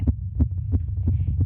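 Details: Girl's excited heartbeat picked up by a microphone during a performance, her pulse very high throughout: rapid, regular low thumps, about 160 a minute, a very fast heartbeat.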